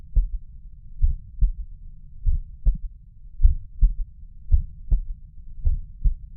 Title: Third heart sound at mitral valve